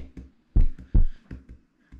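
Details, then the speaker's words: Runner's heartbeat during marathon race week, slightly faster than usual from excitement: paired low thumps repeating at a slightly quick pace. "that is a sound of my heartbeat beating a little bit quicker than usual because race week is here"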